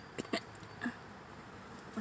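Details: Adult hiccupping in a parked car while hungry, before eating: two or three brief, sharp throat gulps in a quiet setting; hiccups.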